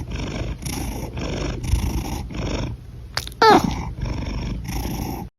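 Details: Cat breathing: steady, rhythmic breaths with a rumbling, purr-like quality, about six breaths in five seconds, with a brief meow midway.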